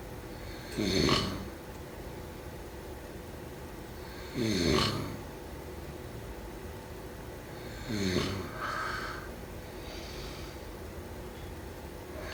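Rough, rattling snores on each breath in, about 17 a minute, with quieter breathing between; ordinary sleep snoring.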